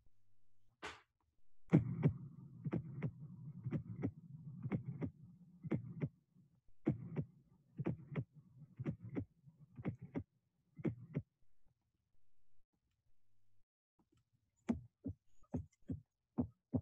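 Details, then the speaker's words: Fourth heart sound (S4) in hypertrophic obstructive cardiomyopathy: regular heart sounds near 60 a minute with an extra soft sound just before S1, an S4 gallop. "In the following two slides, you'll be able to appreciate the sound of the fourth of S4 in HOCM and in aortic stenosis."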